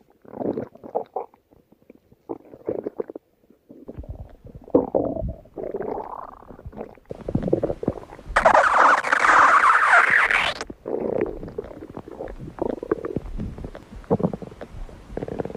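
Irregular gurgling, squelching rumbles with one long loud squeal midway; ordinary bowel sounds of stomach growling.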